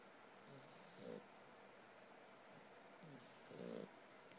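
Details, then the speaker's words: Sleeping puppy snoring: two soft snoring breaths about four seconds apart, each with a brief whistling rasp. "Brasco. Brasco. You snoring? You snoring, baby?"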